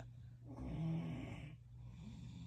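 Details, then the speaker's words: Several people snoring in one room, described as three different levels of snoring: a single low, vibrating snore on an in-breath over steady room hum; ordinary snoring. "Oh Lord, everybody's snoring. Somebody pray for me."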